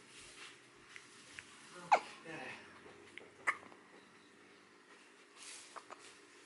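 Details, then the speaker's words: Baby only a few days old with hiccups: soft, sharp, abrupt hiccup sounds at irregular intervals, some clear and others faint, in a quiet room. "Hiccups. Aw. You sure to get hiccups a lot, buddy."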